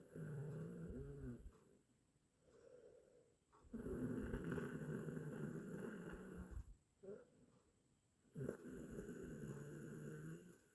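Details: Long, rough, rumbling snores with each breath, separated by quiet pauses; from an 8-minute snoring sound-effect recording.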